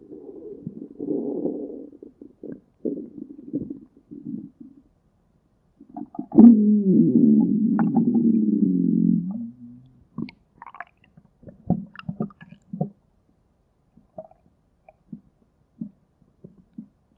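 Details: Borborygmi: stomach growling with low gurgling and bubbling rumbles and a long rolling growl in the middle.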